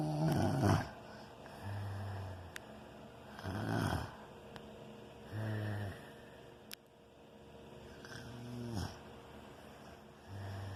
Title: Can't sleep because of snoring